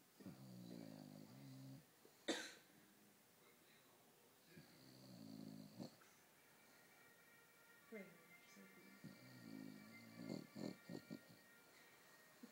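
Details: 11-year-old bulldog sleeping beside owner: repeated buzzing, rattling breaths with brief pauses between them; snoring.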